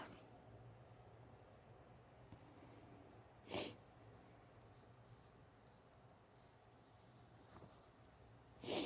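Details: Two short, sharp sneezes from a small female animal against a steady background hum; sneezing.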